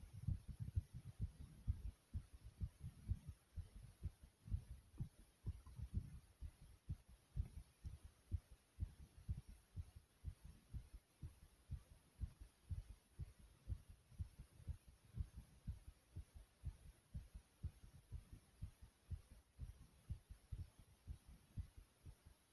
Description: My heart was beating Very fast and very strong after doing some jumps in place.